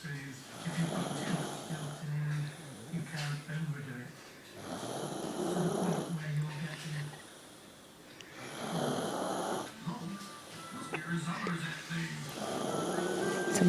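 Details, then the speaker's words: Snoring: a sleeping woman, who denies snoring, makes loud, rhythmic, rattling snores with each breath in, about 16 breaths a minute. "when she says she don't snore, we can show her that."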